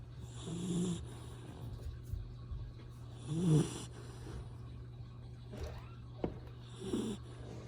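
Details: Young Retriever puppy, adopted three days earlier, snoring in sleep: soft, irregular snorting breaths about twenty a minute over a steady low hum.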